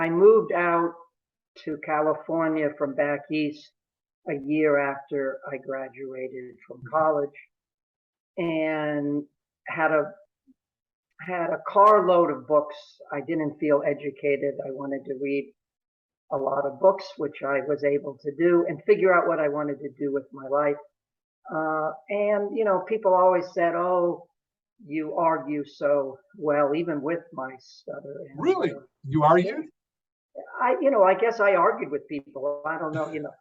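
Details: Adult male who has stuttered since early childhood, severity fluctuating over life, now about 95% fluent daily but still stuttering sometimes; stuttering.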